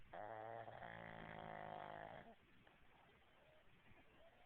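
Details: Dog snoring while asleep: one long, deep, buzzing snore lasting about two seconds, then quiet breathing with light room noise.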